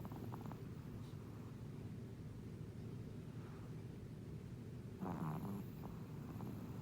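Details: Shih Tzu dog snoring.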